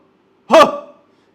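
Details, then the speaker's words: Adult man demonstrating "cough CPR" as self-help at heart-attack warning signs: a single loud, deliberate, forceful cough with a sharp start and brief voiced tail. "यह जो आवाज है यह आसपास के लोगों तक भी जाएगी और यह हम कफ सीपीआर दे रहे हैं अपने हार्ट को।"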